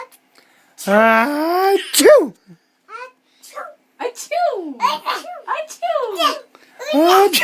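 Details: A young child's sharp sneeze-like burst among high, playful babbling and sing-song vocal sounds: a sneeze.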